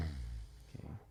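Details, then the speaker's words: Man with suspected obstructive sleep apnea: snoring, then near-silent gaps without breathing ending in a sudden loud snorting gasp as breathing restarts, a gasping arousal after apnoea. "Look at this now. Look how silent. 1, 2. Okay. So you can tell. Like it's very, you have to like listen carefully, but there is a lot of gaps where he was not breathing, which means he's not getting oxygen to his body."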